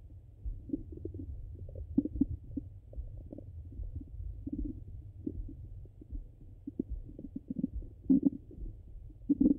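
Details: Stomach sounds recorded hungry and full: irregular low gurgles and soft rumbling pops over a steady hum; ordinary bowel sounds.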